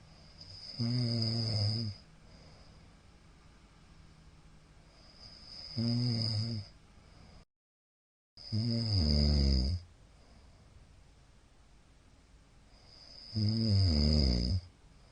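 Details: Middle-aged man snoring in sleep: four loud, low, rattling snores in about fifteen seconds with quiet breathing between.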